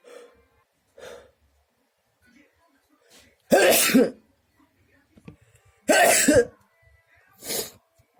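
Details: Person whose nose has itched a lot since swimming: two faint sharp inhalations, then three loud explosive sneezes in quick succession; repeated sneezing.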